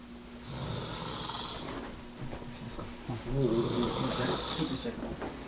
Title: winner of snoring competition